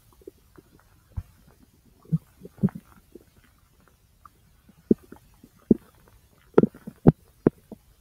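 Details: Own abdomen over the large intestine: scattered soft gurgles and short pops at irregular intervals; ordinary bowel sounds (borborygmi).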